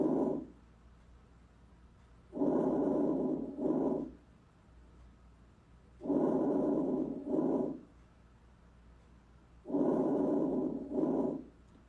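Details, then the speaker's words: Normal vesicular breath sounds, typical of the lung periphery and lung bases: soft, low blowing sounds with a longer inhalation and a brief, fainter exhalation, from an audio recording in a breath-sounds teaching demonstration. "so out in the periphery um and in the lower portions of the lung bases that's where you're going to hear vesicular breast sounds these are normal sounds um and this is what they sound like"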